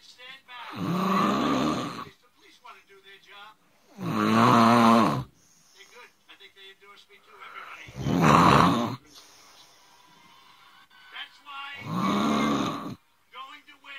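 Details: Person filmed snoring while asleep: loud, rattling snores on each in-breath, about 16 breaths a minute, with quiet pauses between; snoring.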